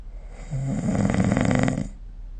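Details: Snoring during sleep recorded with the SnoreLab app: a single loud, rattling, low snore on an in-breath.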